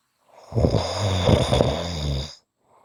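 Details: Ordinary snoring: one long, rumbling, vibrating snore lasting about two seconds, with a faint breath after it.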